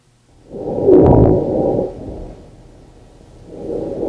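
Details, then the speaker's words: First-night sleep study (Medibyte) recording played back: snoring vibration heard on both inspiration and expiration; inspiratory and expiratory snoring. "so that's inspiratory and that's expiratory"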